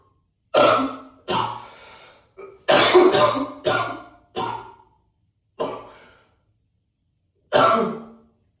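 About seven harsh, forceful coughs in loose bursts with some throat clearing, ringing in an echoey room: heavy repeated coughing.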